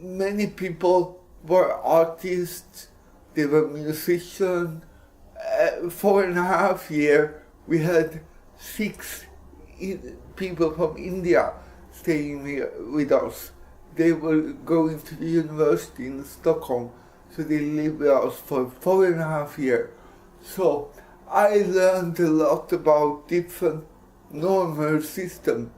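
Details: Dysarthric speech in cerebral palsy; adult Swedish man speaking English.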